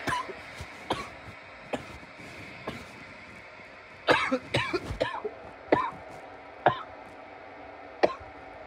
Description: some coughing fits courtesy of my bong.